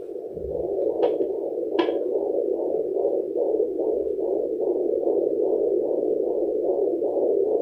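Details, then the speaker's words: Fetal heartbeat at 34 weeks of pregnancy on a home fetal Doppler, with body lotion used instead of gel, after the mother ate a large meal: rapid, regular whooshing pulses at about 150 a minute. "Today I am just going to use this to check baby heartbeat again. We are 34 weeks today and more few weeks to go."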